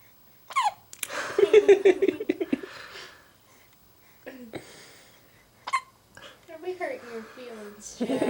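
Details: Hiccups in a boy: several sharp, squeaky hiccup bursts, one praised as a loud one, mixed with adult talk and laughter in a small room.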